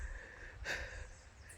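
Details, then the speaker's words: Hiker unused to the altitude in the tropical Andes (Chaco region), hiking uphill, gives a single forceful, gasping breath against low outdoor rumble: breathlessness at high altitude. "I am not used to the altitude I am gasping for breath so I hope there are two cans up here"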